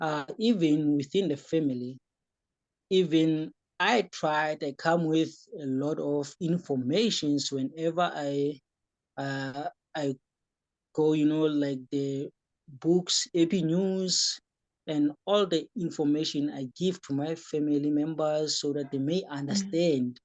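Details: Young man with epilepsy who says he developed stuttering during the course of his epilepsy and sometimes stutters when talking; stuttering.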